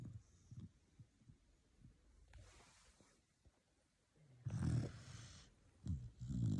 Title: Snoring puppy. 4 months old. So sweet.